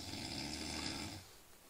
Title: roncando